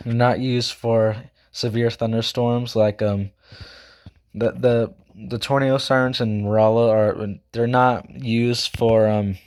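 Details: Male school student who says he stutters, talks too fast and can't speak properly: stuttering.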